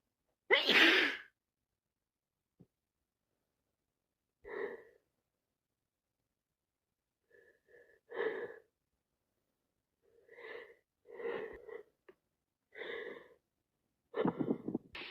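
One loud wet sneeze, then a run of sniffs and short breathy catches. Sneezing and sniffling from a head cold.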